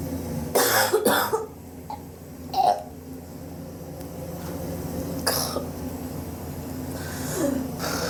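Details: Persistent cough over recent weeks, suspected but unconfirmed bronchitis, with chest x-ray planned to check for pneumonia; a few harsh, dry coughs and throat clearings in separate bursts over steady background hum.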